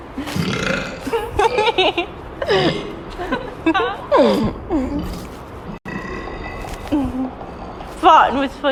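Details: Burping at the beach: long, loud, rumbling voiced belches with a growling quality, mixed with background chatter and outdoor noise.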